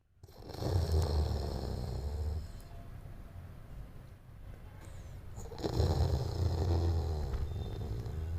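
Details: Labrador retriever puppy in deep sleep in its mother's arms, snoring loudly with low rumbling snores and loud breathing noise.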